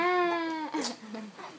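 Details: Infant aged 3 months 26 days: a brief high, steady wail breaking into short fussy sounds; infant cry.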